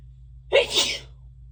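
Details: Single sharp, explosive sneeze over a low room hum, one of many induced, very tickly sneezes that were announced, with watery eyes and light-headedness.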